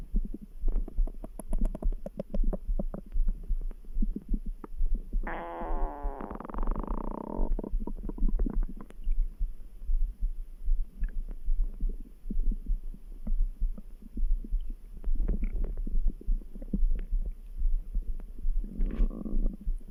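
Gurgling, rumbling stomach sounds with a long growl, over a faint steady heartbeat; ordinary bowel sounds.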